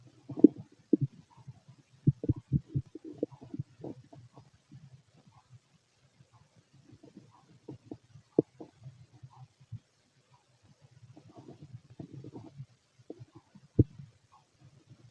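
Bursts of gurgling and squeaking stomach noises with short clicks and quiet gaps; normal bowel sounds from an empty stomach.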